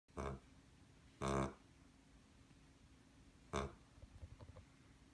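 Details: Sleeping dog snoring: three rough, snorting breath noises at uneven intervals.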